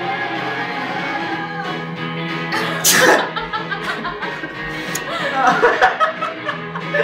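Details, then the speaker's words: Man deliberately trying to make himself sneeze: a single sharp sneeze burst, followed by chuckling over background music; self-induced sneezing. "Oh, it's so good, it's so good. I'm gonna sneeze again."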